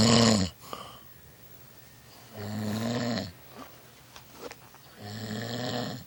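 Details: Person snoring overnight: loud, rough snoring on each breath in, about three breaths with quiet pauses, steady rattling airway vibration during sleep; snoring.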